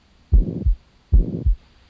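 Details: Heart auscultation in an OSCE cardiac examination on a patient sitting forward then lying on left side: rough whooshing sound filling gap between first and second heart sounds at about 75 bpm, a systolic murmur from turbulent blood flow.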